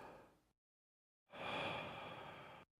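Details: Normal breath sounds during auscultation of the chest wall in a respiratory examination, patient asked to breathe deeply in and out with mouth open: the tail of one breath, a pause, then a full, even, soft rushing breath with no added sounds.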